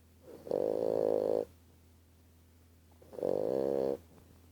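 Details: Five-month-old bulldog puppy snoring: two loud, buzzing, drawn-out breath sounds separated by quiet pauses.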